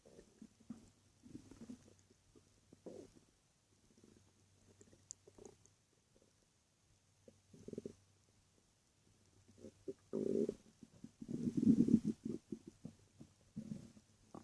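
Soft gurgles and low bubbling rumbles come in irregular bursts, louder toward the end: ordinary bowel sounds, a normal stomach growl.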